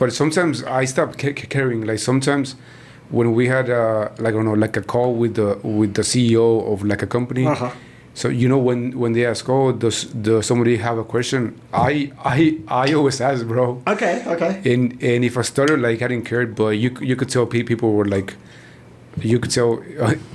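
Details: Man in his 40s who stutters, onset noticed around age five or six; his father also stutters and he believes it runs in the family; stuttering.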